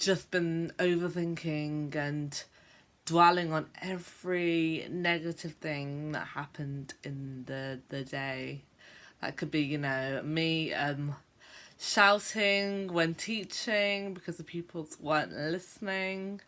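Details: Adult woman who describes herself as a stammerer, on what she calls a bad day; real conversational speech with part-word and word repetitions, showing stuttering (stammering).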